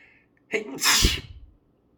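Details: A quick indrawn breath, then one forceful, explosive sneeze trailing off into a brief exhale; sneezing.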